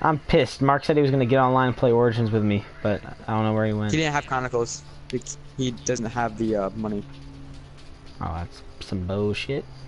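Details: Adult male speaker; typical speech.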